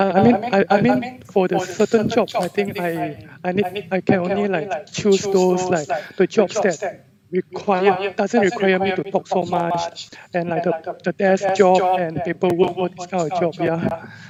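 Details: 34-year-old male with a high-pitched, feminine, childish, soft voice since puberty (age 11-12), lasting 20-22 years; clinician found normal vocal cords with only the thin edges vibrating; recorded before voice therapy; puberphonia.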